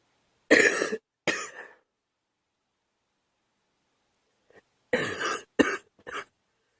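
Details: Girl coughing: two short bursts of coughs, a pause, then three more coughs.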